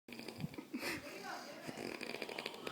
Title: Snoring like a weed wacker